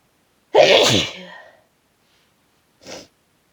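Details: Exhausted person with a cold, sneezes harsher than usual and hurting the throat: one loud, forceful sneeze trailing off, then a short sniff about a second later.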